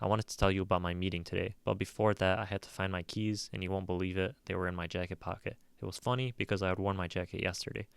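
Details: Circumstantiality, example read by a narrator as a patient speaking to a therapist: excessively long answers with irrelevant information that eventually reach the point, a speech pattern seen in schizophrenia.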